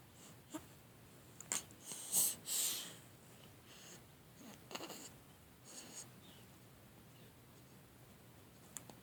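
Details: Two-week-old newborn with hiccups: brief, sharp catching sounds every few seconds with soft breathy noises between, in a quiet room.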